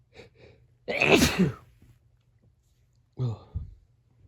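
Two quick catching in-breaths, then a loud forceful sneeze and a second smaller sneeze. Sneezing, a reflex clearing of the nose.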